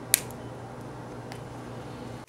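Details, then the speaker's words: A single sharp click over low room hum as a subglottic suctioning inner cannula locks into a Blom tracheostomy outer cannula, in a training demo on an LTV1000 ventilator (SIMV 12, tidal volume 600, PEEP 5). "insertion of the subglottic suctioning cannula you will now hear an audible click indicating the cannula is now secured to the plum outer cannula"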